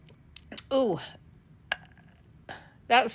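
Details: A woman's long voiced belch with a short click in the middle and a second burp at the end, in a quiet room.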